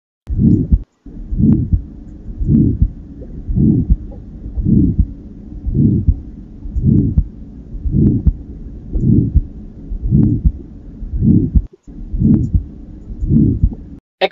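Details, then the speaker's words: Aortic stenosis: regular heartbeat near 55 a minute with a harsh crescendo-decrescendo ejection systolic murmur in early to mid systole, best at the second right intercostal space, radiating to both carotids. "the murmur of eotic stenosis is ejection systolic cresendo decrescendo in shape and harsh in quality it is heard best in the a area that is the second right inter Coastal space"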